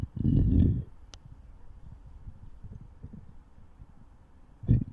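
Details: Pet stomach growling recorded on request: two loud low gurgling rumbles with faint bubbling and rumbling between them. Borborygmi.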